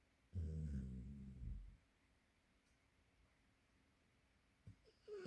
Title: Springer Spaniel Blinks, Snores and Twitches While Asleep